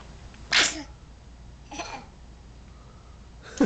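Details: Infant sneezing while smiling and drooling, possibly teething: two short, sharp, hissing small sneezes with a third starting at the end, in a quiet room.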